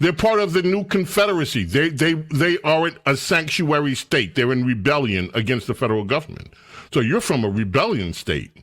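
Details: Adult male speaker; Normal speech.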